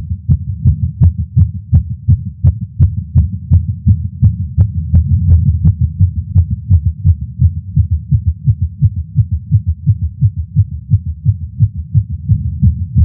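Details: Adult male's heartbeat via Stemoscope while smoking a cigar after not smoking for a while, feeling lightheaded: fast, regular heart thumps at roughly 170 a minute under a steady low hum; tachycardia after nicotine.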